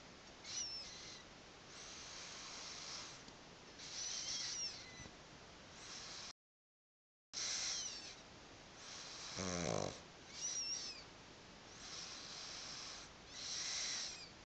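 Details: A pug (flat-faced dog) snoring in sleep: soft, airy, whistling snores at a slow, steady rhythm over a hissing background.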